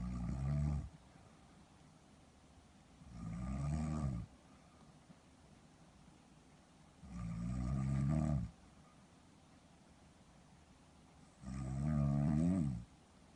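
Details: Loud, rumbling snores about 14 a minute separated by quiet pauses; snoring in sleep apnoea syndrome, with CPAP referenced.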